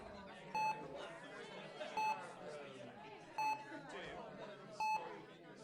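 Four evenly spaced monitor beeps over steady background chatter in a busy hospital ward.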